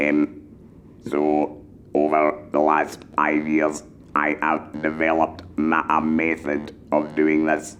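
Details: Male laryngectomee speaking with a handheld electrolarynx held to the neck, using it for over 5 years and now experienced enough to teach new users; finding: electrolarynx speech after laryngectomy.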